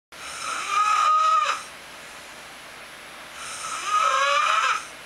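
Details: Man snoring at 4:58 AM; two long, high-pitched, squealing snores separated by a pause, an unusual whistling, whining snoring sound.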